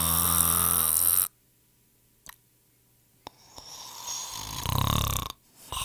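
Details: Royalty-free snoring sound effect of people snoring: a loud, rough snore, a pause, then another rattling snoring breath; snoring.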